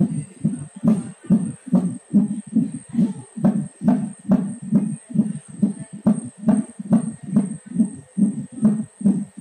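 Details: Fetal heartbeat at 9 months of pregnancy, heard in the womb: rapid, regular whooshing beats at about 140 per minute.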